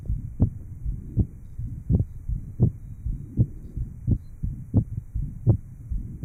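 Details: Post-operative heart sounds after inter-atrial septal defect repair, recorded in 1955 at the aortic area, pulmonic area and lower left sternal border, with EKG and respiration recordings. Finding: heart sounds after atrial septal defect repair.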